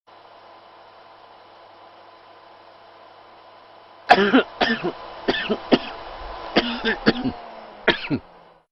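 Acted adult coughing and throat clearing in a burst of about eight short coughs after quiet room hiss.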